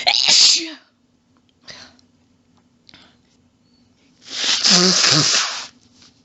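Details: Female in a long sneezing fit of rapid quadruple sneezes: loud explosive sneezes with voiced breaths between and a long forceful final sneeze; some coughing from losing breath, nose blow.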